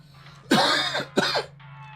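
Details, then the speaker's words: Two harsh, forceful adult cough bursts, the first longer than the second, over a faint steady hum; the man blames the cough on a change of climate and new allergens. "Man, I think a lot of this cough is coming back from uh just a change of climate from 20 years, different allergens, pollen, snow, mold, water."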